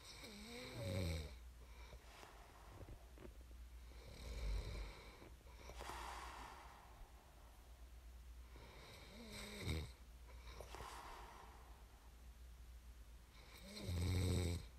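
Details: Snorting snores with quiet breaths between, about every four to five seconds, over a low background hum; snoring during sleep.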